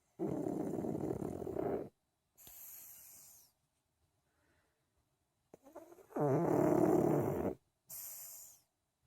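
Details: A sleeping pug snores loudly, with rattling inward snores and softer whistling outward breaths.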